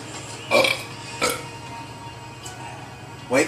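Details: Man drinking something cold as an old way to get rid of hiccups: three loud, brief throaty belches over a few seconds against faint room noise; burping.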